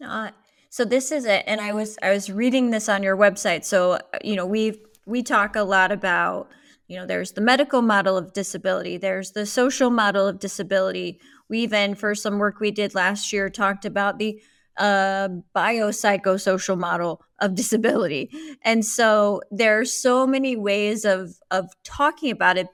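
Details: Adult woman; typical speech.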